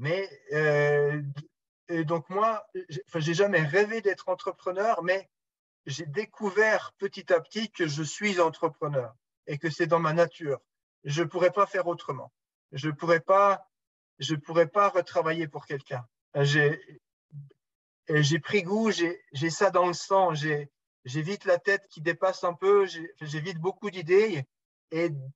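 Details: Real stuttering in a 44-year-old man who has stuttered long-term; his speech is much improved now, but he still stutters occasionally in French and more in English; stuttering.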